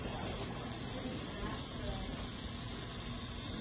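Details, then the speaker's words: Cavitron ultrasonic dental scaler during setup, with the handpiece water adjusted to a steady drip. It gives a steady high hiss and whine with water spray. "if you need more power you can turn it up another quarter turn and you'll notice that there's a slower drip that drip is okay too but you might feel the tip heating up and if so turn the water up a tiny bit and you'll get a faster"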